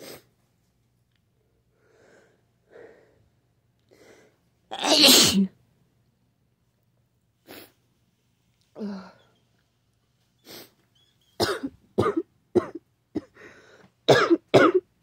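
Soft sniffs and breaths, one loud explosive sneeze, then a run of short sharp sneezes and nasal bursts, with a cold-like illness.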